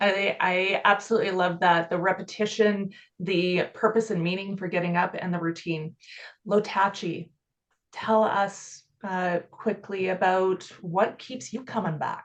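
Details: Adult woman speaking; normal speech.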